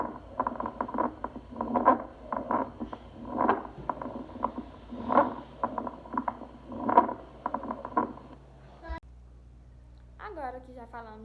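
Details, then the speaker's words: Rare squawk, a short duck-like sound caused by sudden opening of the lower airways, as in bronchiolitis. "existe um som bastante raro chamado de grandes mido pouco falado mas leva esse nome por conta que faz o som parecido com som de pato ele acontece em patologias como a bronquiolite e acontece devido a abertura súbita das vias inferiores"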